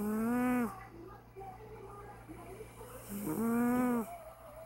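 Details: Older cat snoring while asleep: two loud, tonal, buzzing snores on the in-breaths with quieter breathing between.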